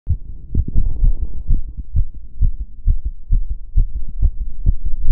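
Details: Own heart sounds recorded while doing step-up exercise: quick, strong heartbeats at about 130 per minute with rustling movement noise; fast heart rate from exertion.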